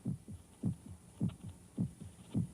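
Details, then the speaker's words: Human heart sound heard in a sound-isolated setting, heart pounding against the ribs: regular deep paired thumps about 52 beats a minute over a steady low hum; heartbeat. "the sound of air molecules beating against the eardrums the sound of the heart pounding against the ribs"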